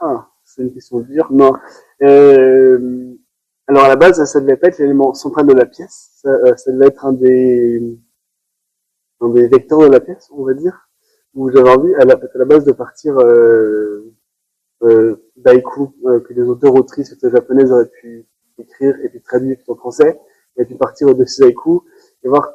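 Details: Adult male performing artist who has stuttered since about age 5, worsening in adolescence around 16; stuttering.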